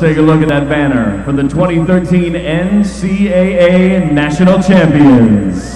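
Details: Adult male announcer; normal voice.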